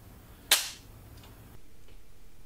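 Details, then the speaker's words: One sharp, loud click as a Dexcom G6 CGM applicator fires, inserting the glucose sensor on a senior's stomach, the former Omnipod site, after cleaning the area. "and then remove the safety and should hear a nice click"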